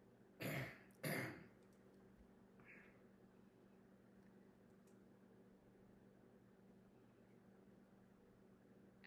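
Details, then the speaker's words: Two forceful, harsh throat-clearing bursts in quick succession from an adult on request during a cranial nerve and bedside swallow evaluation, then quiet room noise; voluntary throat clearing. "And can you clear your throat for me like you have something stuck in the back?"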